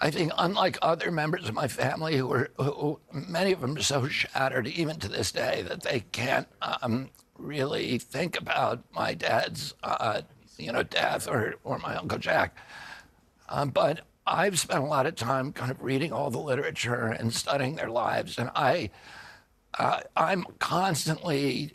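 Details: Adult man with spasmodic dystonia that began at age 42 in 1996, caused by an injury (neurological disorder); his voice was very strong before onset. Finding: spasmodic dysphonia.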